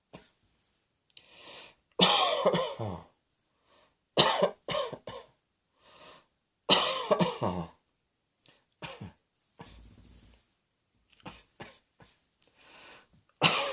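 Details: Repeated harsh coughs in short clusters of one to several bursts, with pauses and throat noises between them, in a small quiet room.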